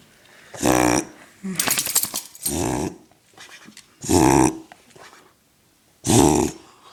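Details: Dog's reverse sneeze: loud, harsh snorting inhalations in bursts about every two seconds with snuffling between, sounding like a rhino.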